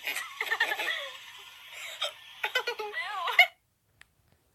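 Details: Girl in black bra with hiccups: short, sudden voiced catches in the breath mixed with giggling.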